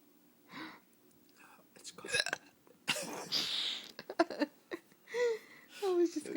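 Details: Several abrupt, short gulping hiccups interrupting quiet conversation between people in a room at night; the hiccups then stop without drinking water.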